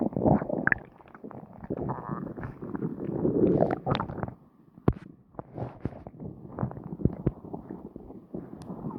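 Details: Person's stomach after lunch, recorded: long, loud rumbling and gurgling with squeaks and pops over nine seconds; stomach growling (borborygmi) after eating.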